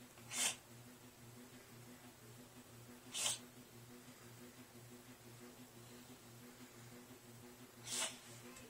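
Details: Sneezing fit in a cat, possibly from food stuck up her nose: three short, sharp sneezes a few seconds apart over a steady low room hum.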